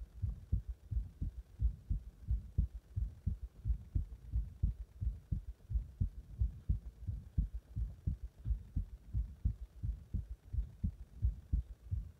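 Regular low thumping heartbeat, about 87 beats a minute, with a faint background hum.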